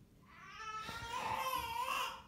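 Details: Newborn girl minutes after birth, recorded from the mother's bed: a thin, rising cry that builds steadily in a quiet room.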